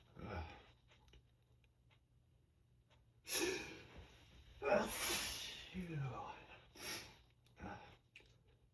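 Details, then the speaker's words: Person sneezing all day with powerful, full-body, trembling sneezes, plus false starts: several loud, explosive sneezes with sharp intakes and heavy breathing between; repeated sneezing. "All I've been able to do all day is surrender to these tremendous sneezes. They take over my whole body. My whole body just quivers."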